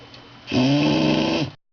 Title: The Snoring Bully Pt. 2